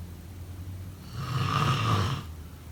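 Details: A single low, rattling snore on an in-breath, rising and fading over about a second, over steady low room hum; snoring.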